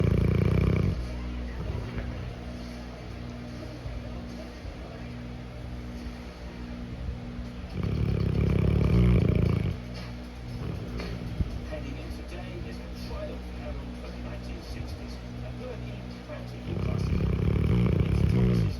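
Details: Cane Corso dog napping: deep, rumbling snores with louder bursts at intervals.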